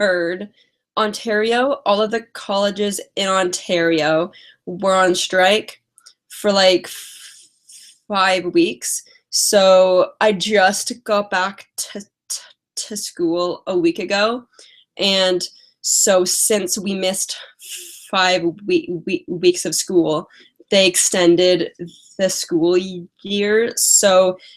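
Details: Lifelong stuttering in an adult woman with past speech therapy, mostly blocks, especially on vowel-initial words and on 't' and 'c'; she has a cold and is tired.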